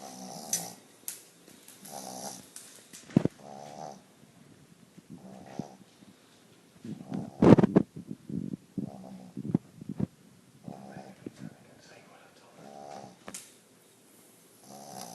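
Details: Sleeping dog snoring: repeated short nasal snorts and rattling breaths, with faint room noise.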